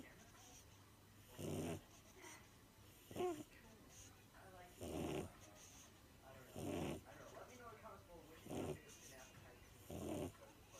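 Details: Loud, regular snores from a pug, about 6 breaths a minute, with quiet snuffling between; snoring.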